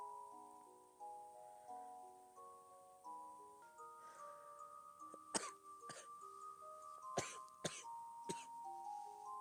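Five sharp coughs from a child over soft background music, in keeping with an asthmatic cough.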